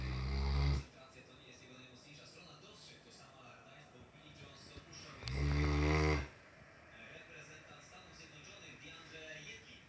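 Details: Two loud, deep, rattling snores about five seconds apart with quiet breathing between and faint background music: a sleeping Great Dane snoring like a human.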